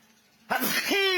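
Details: A single abrupt, forceful sneeze bursts out of near silence, ending in a brief voiced tail, provoked by tickling the nose with a broom bristle as a flu remedy: sneeze.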